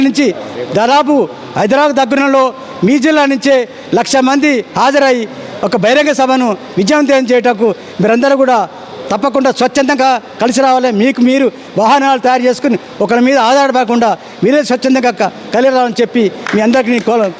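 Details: Adult male speaker addressing a gathering; Normal speech.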